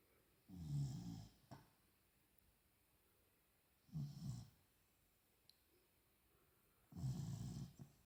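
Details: Sleeping Beagle puppy, three low, rattling snores on the in-breath, about 20 breaths a minute, with quiet pauses; snoring.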